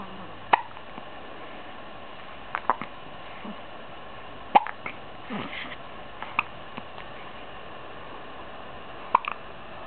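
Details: 15-day-old baby girl with hiccups again: short, sharp, irregularly spaced gulping clicks over a steady background hiss.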